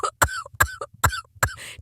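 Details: Simulated coughs performed by an adult voice actor: four sharp, evenly spaced acted coughs, each a sudden burst trailing into a brief voiced tail.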